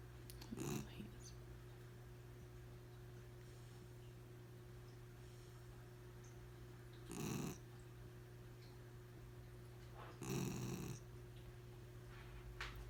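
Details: 4-month-old puppy asleep on a couch: three short, rough, low snorting breaths over a steady low hum, spaced several seconds apart; puppy snoring.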